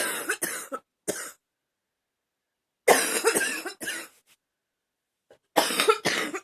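Repeated harsh coughs in three clusters separated by short silences, from an adult.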